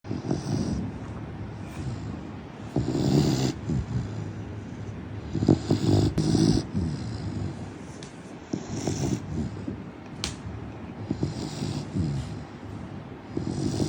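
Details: A sleeping Labrador retriever puppy snoring with low, rumbling breaths that swell and fade in soft bursts.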